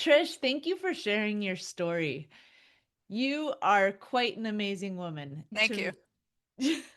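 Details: Adult woman speaking; Normal speech.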